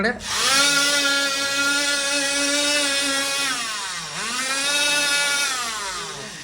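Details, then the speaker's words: Loud steady cast saw motor whine dipping in pitch under load, then recovering, as a doctor cuts a plaster cast off a leg at a hospital. "तर आता मित्रांनो काय पाय कापून टाकलेला आहे आपल प्लास्टर कापून टाकलेल आहे"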